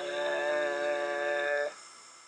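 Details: Voice two years after type 1 thyroplasty, with an implant repositioning the paralyzed vocal cord, showing marked improvement in quality and strength over the weak, breathy pre-operative voice: improved voice after thyroplasty for vocal cord paralysis.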